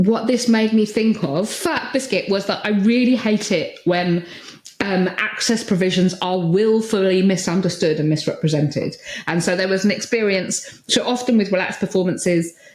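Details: Vocal tics from Tourette syndrome in an adult woman, including the repeated word tic "biscuit".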